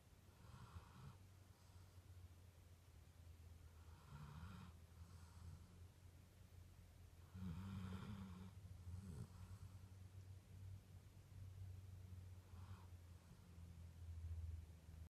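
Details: A dog scratched into a deep sleep snores softly and low in cycles every three to four seconds, with light snorting on some breaths.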